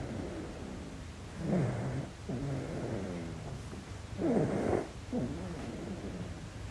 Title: ASMR Baby Deep Sleep - Snoring #asmr #cutebaby #sleep #babysleep